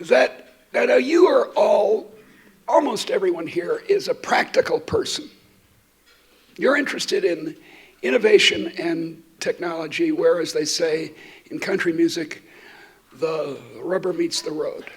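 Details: Adult woman who states she stutters, speaking while she has a terrible cold affecting her voice; stuttering.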